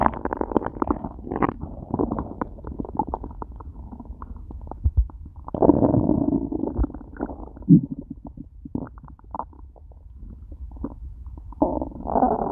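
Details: Long, loud gurgling and rumbling with bubbly crackles and low grumbles, from a person who ate nothing all day, stomach starting to hurt by the end of the recording; hunger stomach growling (borborygmi).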